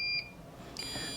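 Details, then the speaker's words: Infusion pump in intensive care sounding high-pitched electronic alarm tones because it has not been started (go not pressed); infusion pump alarm. "now you will hear them alarm and ones doing it now"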